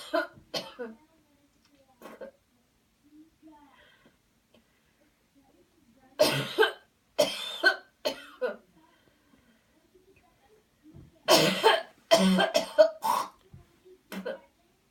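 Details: Cleansing-healing coughing technique demo: after guided counted breathing and a deep breath in, deliberate coughing bouts with throat clearing between; voluntary airway-clearance cough.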